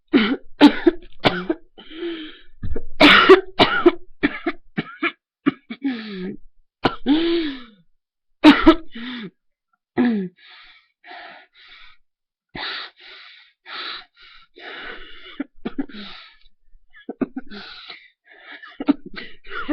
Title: Airways Giving Way, Coughing, Gagging